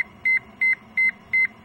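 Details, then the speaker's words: Zoll AutoPulse load-distributing band CPR device paused with no compressions for over 30 seconds: continuous high-pitched double pause-alert beeps, about three a second, until compressions resume or mute is pressed; single tone at 10 s, three tones at 20 s. "once the autopulse is paused for 10 seconds a single tone will sound after 20 seconds of no flow time a series of three pause alert tones will sound after 30 seconds the tones will sound continuously until either compressions are resumed or the mute button is"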